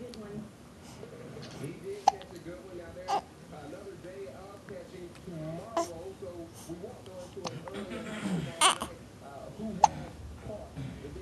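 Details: Hiccups in a 6-week-old baby girl: several short, sharp hiccups spread across babbling and fussing as she grows upset after a few minutes.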